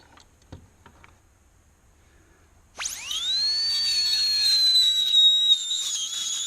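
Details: High-speed air-turbine dental handpiece with a carbide burr drilling into a small bolt in a home workshop under very light pressure. A high-pitched whine spins up and runs steadily, with background music.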